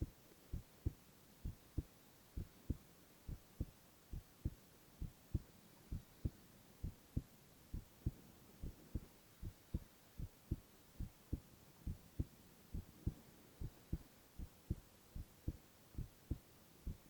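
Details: Silent ASMR recording of a male's continuous heart sounds: steady, regular low thumps at about 67 beats a minute with no extra sounds; normal heart sounds.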